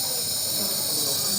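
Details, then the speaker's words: Child receiving nebulizer treatment in hospital for a cough lasting a week, with a cold: steady loud hiss of the running nebulizer delivering mist, with faint voices underneath. "Aku lagi diuap. Oh, batuk. Udah seminggu. Batuk. Aku dibilang batuk. Oh, gitu uap nih."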